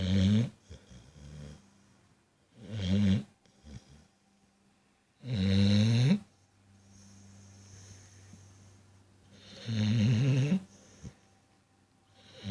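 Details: Regular short, snorting snores from a sleeping dog, about every three seconds, with soft breathing between.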